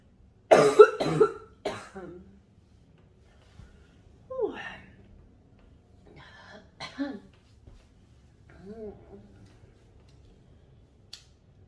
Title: Smoking and Coughing